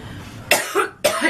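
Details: Coughing in an adult woman after smoking, throat burning: two abrupt, harsh coughs with faint room noise before them.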